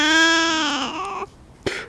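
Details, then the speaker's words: Baby barely a day old crying: a single clear, high-pitched cry falling in pitch before a brief gasp, a normal newborn cry. "oh my God is that that cutest cry okay okay"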